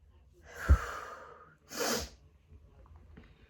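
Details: Uncovered sneezing fit from grass/flower pollen after a walk, leaving the person lightheaded: two explosive sneezes about a second apart, the first sharp and trailing off, the second breathier.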